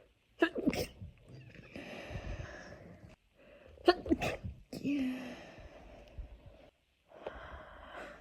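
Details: A girl gives two explosive wet sneezes a few seconds apart, each followed by breathy vocal sounds; the recording is tagged with voice effects.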